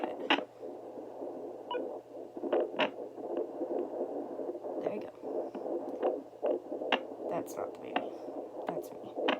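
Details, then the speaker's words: 19-year-old woman, 12 weeks pregnant with a girl, using a home pocket fetal Doppler pressed hard and angled low: placental swishing, then a quick rapid fetal heartbeat with static and probe scraping: fetal heartbeat. "okay that swishing sound is the placenta right there and that sound you heard very quickly was that quick sound that you that was the baby"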